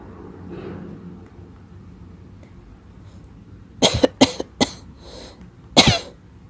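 After several seconds of quiet room noise, an adult gives a quick run of about four sharp, dry-sounding coughs: a plain cough.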